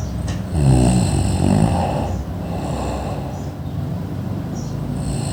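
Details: Low, rattling snoring from a sleeper, a coarse airway vibration that rises and eases with each breath over a steady background hum.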